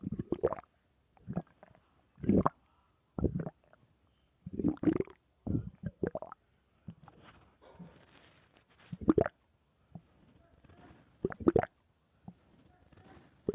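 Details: Stomach growling (borborygmi): repeated squelching, gurgling growls in short bursts with quiet gaps.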